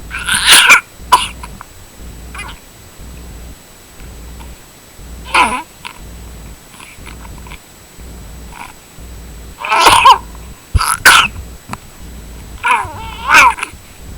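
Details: Cough from a cat: several harsh, hacking cough bursts with short gasping breaths between them.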